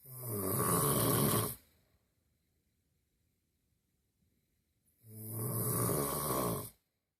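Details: Two long, loud rattling snores separated by a quiet pause, from an animated cartoon soundtrack (simulated): snoring.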